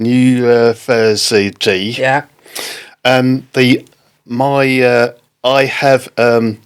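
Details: Man with post-stroke aphasia following a stroke in October 2019; halting speech, non-fluent aphasia.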